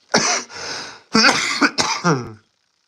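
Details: Adult ill with a common cold, coughing while talking on a stream: three harsh, loud coughing bursts, the first drawn out into a rough exhalation.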